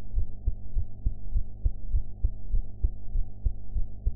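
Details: Heart sounds recorded after eating, sound quality enhanced; steady low heart thumps at about 100 beats a minute over a faint hum, an ordinary heartbeat.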